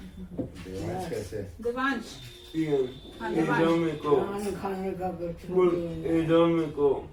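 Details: Man, 25, with cerebral palsy from birth after premature delivery and brain damage, affecting speech and walking, in conversation; dysarthria in cerebral palsy.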